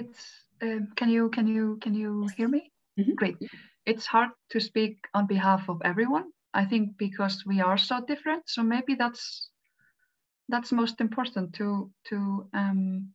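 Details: Adult female Icelandic panelist who stutters, speaking English at a stuttering-awareness webinar. Her stuttering shows word repetitions.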